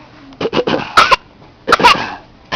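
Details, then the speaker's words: Infant girl imitating her parents' coughing: a few short, light, deliberate cough-like bursts, a voluntary fake cough rather than an illness cough. "Are you fake coughing? You see you cough."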